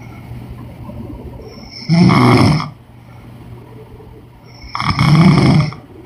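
Two rough, rattling snores about three seconds apart over quiet room noise; ordinary snoring.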